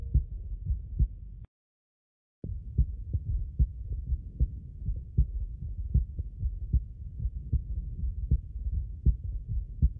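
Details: Steady, regular heartbeat at about 76 beats a minute, recorded with a 3M Littmann CORE digital stethoscope, with a brief dropout; normal heart sounds.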